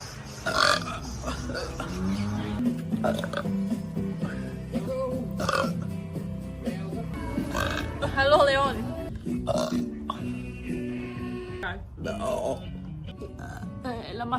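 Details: Long, rumbling voiced belches stretched over many seconds, with background music during a live stream; deliberate burping.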